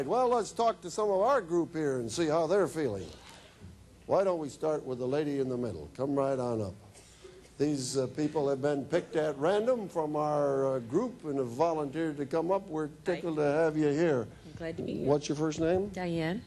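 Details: Adult male speaker with brief female reply; normal speech.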